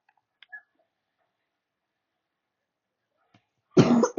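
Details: Quiet room, then one short, harsh cough near the end, close to a throat clear, from a person who is currently sick.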